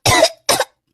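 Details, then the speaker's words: Two short, forceful acted coughs from an adult in a comedy sketch about winter illness: cough. "શું થાય છે અરે ખાંસી થઈ ગઈ છે યાર"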